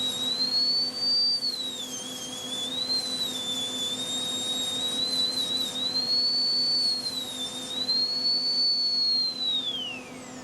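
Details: Dental lab: steady high-pitched whine of a high-speed handpiece, rising and dipping as it grinds indicator-spray-marked high spots inside a cast metal crown coping, then winding down.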